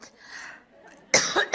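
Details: Adult woman coughing during a live public speech; after a quiet breathy stretch, a loud, harsh burst of two or three quick coughs, a short coughing bout.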